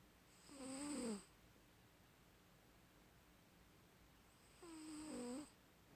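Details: Snoring during sleep: two soft, tonal, whistling snores about four seconds apart over quiet room noise.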